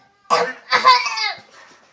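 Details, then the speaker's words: A young child, who has medicine in a bottle nearby, gives two quick, harsh cough bursts, the second ending in a voiced, drawn-out tail; an adult calls it a really bad cough. "oh that was a really bad cough"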